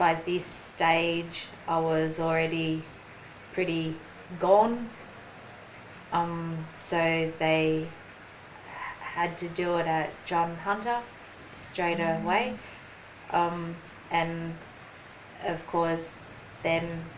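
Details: Aphasia in a 43-year-old woman after a ruptured brain aneurysm and stroke 4.5 years earlier; slower speech and word-finding difficulty; aphasia.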